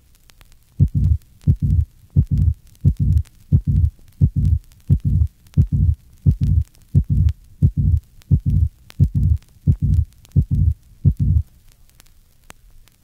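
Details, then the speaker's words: Patient with mild mitral regurgitation. Regular heartbeat about 87/min with a late systolic murmur building up to the second heart sound. "this recording of a late systolic murmur is from a patient with mild mitral regurgitation refer to figure 105 a"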